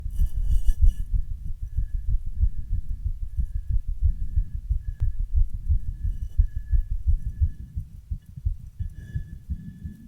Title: My heart after a run+heavy breathing